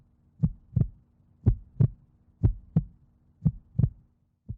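Paired low thumps of a heartbeat, about 58 beats a minute, steady and clear, picked up through a homemade stethoscope.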